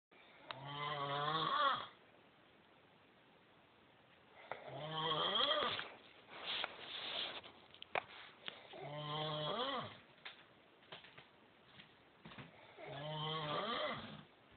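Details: Sleeping husband recorded on a smartphone, snoring: repeated loud, fluttering snores rising in pitch, about 15 a minute, with quieter breaths between.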